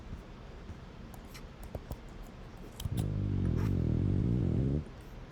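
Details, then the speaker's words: Sleeping French bulldog: a single loud, low, fluttering snore lasting about two seconds out of quiet room noise with faint clicks; finding: snoring. "I don't know if you could hear that. It's my Frenchie snoring."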